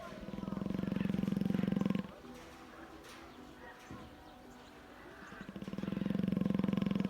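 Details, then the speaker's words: Lion asleep on the lion beach, snoring loudly: deep, rattling snores with long fluttering inhalations separated by quieter pauses; ordinary sleep snoring. "Один храпящий малыш чего стоит."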